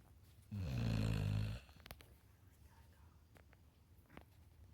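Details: Puppy snoring: one low, buzzing snore lasting about a second, then quiet breathing with faint clicks.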